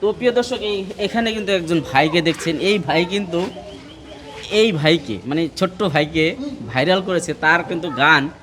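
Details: Adult male speaker; Ordinary speech.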